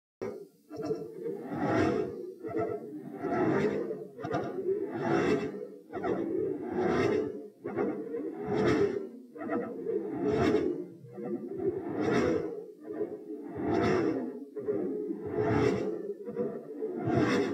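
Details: Slowed-down heart sounds recorded at position p, shown in slow motion with waveforms: a steady repeating pattern with a sharp click in mid-systole, a midsystolic click.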